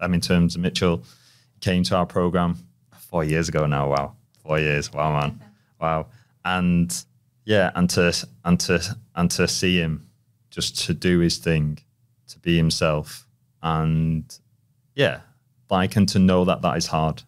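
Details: Persistent stuttering in an adult male who has stuttered since childhood, with repetitions, prolongations and blocks.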